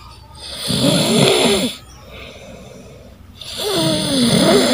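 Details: Younger sibling snoring while asleep, filmed as a prank; loud, rattling snores on each breath in with quieter breathing out between, from a sleeping child.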